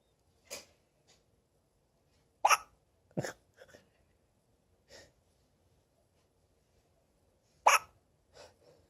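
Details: A 6-day-old newborn baby with about six brief, sharp hiccup sounds at irregular intervals in a quiet room; infant hiccups.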